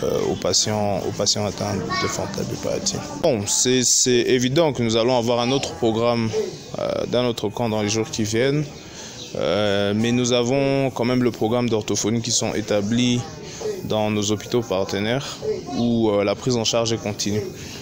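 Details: Adult male speaker; normal speech.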